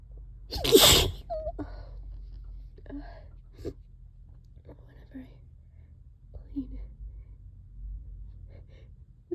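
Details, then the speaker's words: Allergic sneezing bout: one loud, wet sneeze, then quiet breathy sounds and low room hum. "Can't stop sneezing. Oh, that was so loud."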